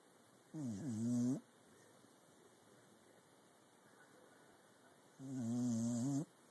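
Two long, buzzing, nasal snores a few seconds apart from a sleeping dog, with a quiet pause between.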